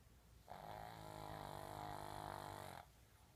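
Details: Snoring: one sustained, vibrating snore lasting about two seconds, with a fluttering rasp.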